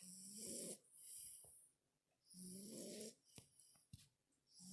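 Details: Snoring: slow, rhythmic rattling snores on each in-breath with quieter hissing out-breaths between them, about 26 breaths a minute.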